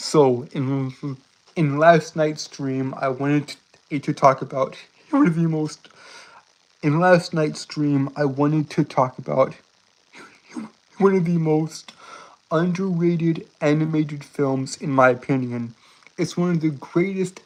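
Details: Adult male with a self-described severe speech impediment causing stuttering; this stretch has word and phrase repetitions. Finding: stuttering.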